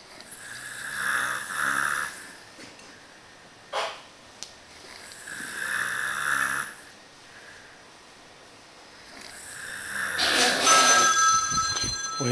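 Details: Deep, rumbling snores every few seconds from a man passed out asleep, with a phone ringing near the end; heavy snoring in deep sleep.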